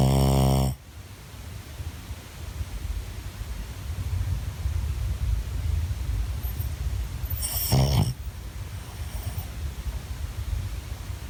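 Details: Low, steady rumbling breath noise with two brief sharp buzzing sounds from a tired dog at rest; snoring.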